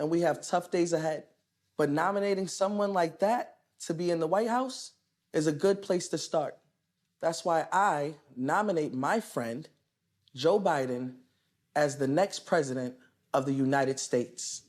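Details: Adult speaker; normal speech.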